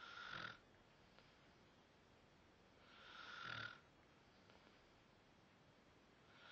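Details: Unknown person snoring, recorded on a phone: two slow, rasping snoring breaths about three seconds apart with quiet pauses between, during sleep.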